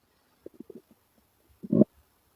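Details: Male stomach growl: a run of soft gurgles, then a louder low rolling growl; normal borborygmi from gas and fluid moving through the gut.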